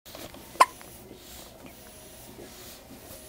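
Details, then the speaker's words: 2-day-old baby girl lying in a parent's lap with hiccups, apparently not bothered: a single short, abrupt gulping click in a quiet room, consistent with a hiccup. "So she's laying in my lap, hiccuping like a crazy girl."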